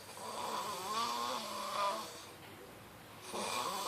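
Drawn-out, rough, vibrating breath sounds with a nasal moaning quality, separated by a quiet pause; snoring.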